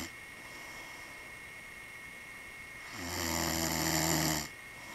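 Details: A single loud, rough, fluttering snore on breathing in, after a quiet stretch; ordinary snoring.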